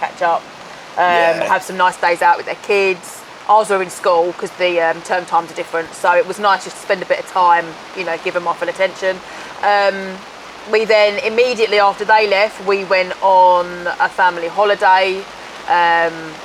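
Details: Adult speaker; normal speech.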